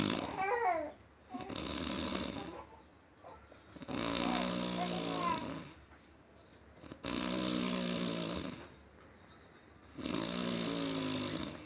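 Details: Rhythmic, rattling snores about 20 a minute, each a few seconds long with quiet gaps, during deep sleep: snoring.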